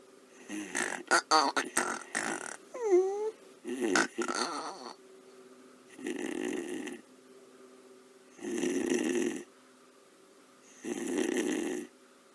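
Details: Sped-up animated cartoon soundtrack: three even, rumbling cartoon-style snores after brief vocal noises as the character Peter snores loudly at night, keeping Daniel awake; snoring.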